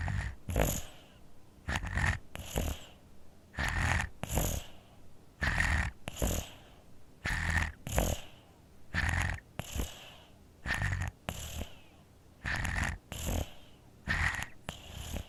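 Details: Sleeping infant with a cold and congested nose: rapid, snuffly snoring, about 33 noisy breaths a minute; snoring with nasal congestion.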